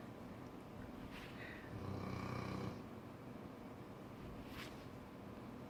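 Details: Cane Corso dog snoring: low, rough, rumbling breath over steady background noise.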